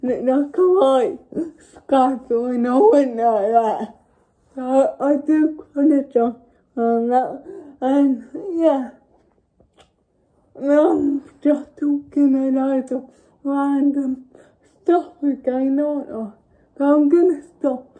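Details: Young woman with cerebral palsy; dysarthric speech (cerebral palsy).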